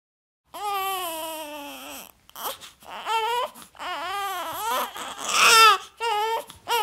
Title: Baby Crying Sound Effects | New Born Baby Crying Sound Effects No Copyright